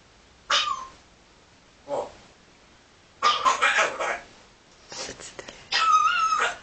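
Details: Cough sound made by a parrot named Tommy.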